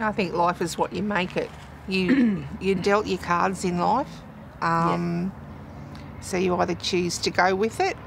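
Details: Adult woman speaking; ordinary conversational speech.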